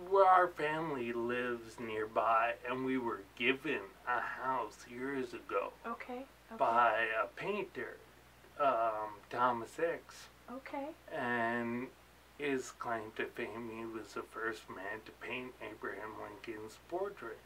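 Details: Adult man with ataxia; articulating takes him energy, worse toward evening, and he slurs when excited; ataxic dysarthria.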